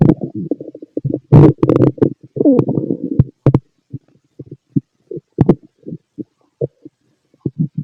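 Gurgling rumbles and short bubbling bursts through a stethoscope over the abdomen; ordinary active bowel sounds, stomach growling.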